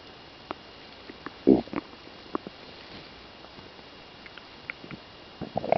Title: stomach noises